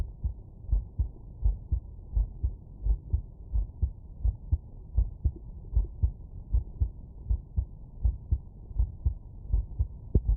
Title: Heartbeat auscultation stethoscope heart sounds normal